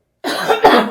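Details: Two quick harsh cough bursts from an adult woman with a cold, deliberately coughing on her husband as a prank.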